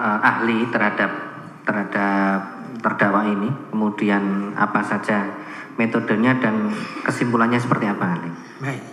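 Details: Adult man speaking Indonesian; ordinary speech.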